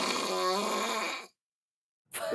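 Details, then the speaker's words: Recorded adult snoring played on a TV health segment: one loud, rough, rattling snore on the in-breath, then a silent pause before the next breath; snoring or sleep apnea linked to 91% higher stroke incidence. "-바로 코골이인데요. 이 수면 중에 코골이나 수면 무호흡증 등이 있는 사람은 뇌졸중의 발생률이 무려 91%나 더 높게 나타났습니다."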